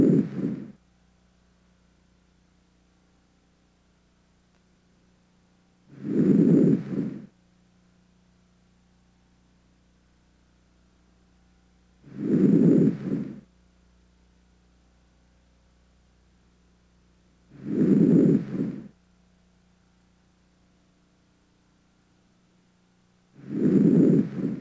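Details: Normal breath sounds through a stethoscope over the anterior chest: soft, low rushing sounds at about ten breaths a minute, with quiet pauses between.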